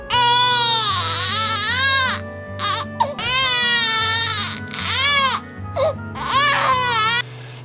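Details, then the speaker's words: Newborn colic cry: intense, irritated, high-pitched crying in long strained bursts, with background music. "ro o choro de cólica o mais temido digamos assim por todo mundo é é ele é um choro bem sofrido gente ele já começa aquele choro intenso irritado nervoso é é um soro bem agudo"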